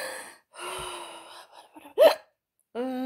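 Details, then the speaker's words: An adult woman with hiccups speaks, then gives one abrupt, sharp, high voiced catch of breath; she says her hiccups happen most when she eats and talks. "hiccups hiccups are coming I'm sorry just ah okay"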